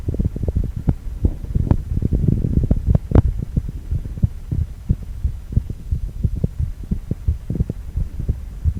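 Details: Male heart, ultrasound four-chamber view: regular pulsing whooshes of heart motion at about 90 per minute with a low hum beneath; a normal heartbeat.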